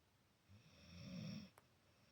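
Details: Dog snoring while asleep next to a cat: a single soft, low, rumbling snore against quiet room noise.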